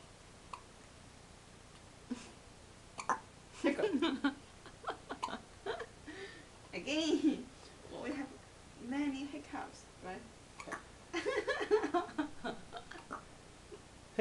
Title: My two-week-old daughter gets the hiccups...